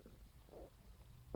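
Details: Brief low gurgling stomach rumble recorded on a phone just after waking in the morning; ordinary bowel sounds, stomach growling.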